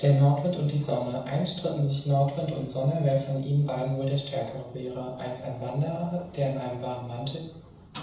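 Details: Voice of a 21-year-old transgender woman after 4 months of initial voice feminization therapy, before any surgery such as glottoplasty, reading 'Der Nordwind und die Sonne'; improvement in pitch, prosody and feminine voice structure.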